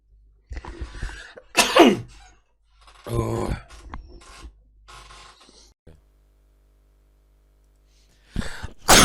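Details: Several loud, sharp sneeze bursts from an adult male streamer during gaming, with brief Russian talk in between; ordinary sneezing.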